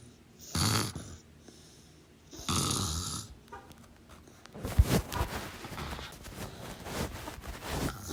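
A few rough, snorting snores, then irregular noisy breathing and rustling: snoring during sleep.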